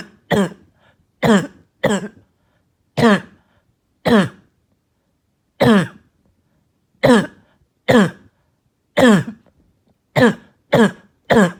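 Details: A child with a barking and hacking cough all night gives about twelve short, harsh, hoarse-toned coughs at irregular intervals over eleven seconds, with quiet pauses between.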